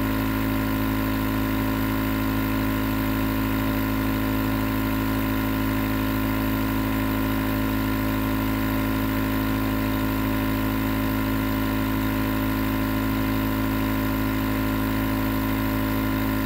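Constant droning motor buzz with a faint rhythmic throb, the typical running sound of a nebulizer compressor.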